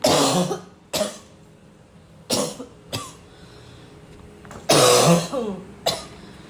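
Five or six harsh, separate cough bursts spread over several seconds, with quiet pauses between them in a small room.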